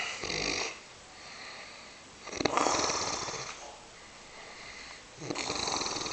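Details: Loud, rough snoring on each breath in, with quieter breaths out between, in a sleeping grandfather.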